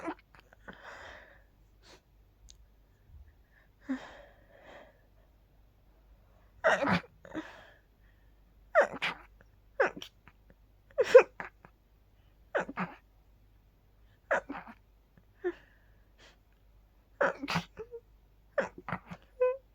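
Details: Quiet room with soft breaths, then a run of about eight sharp sneezes after sleeping with the window open, pollen suspected; repeated sneezing.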